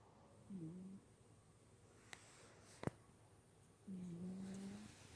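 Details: Two slow, quiet, whistling snores on breathing in, separated by a pause and a couple of small clicks; snoring.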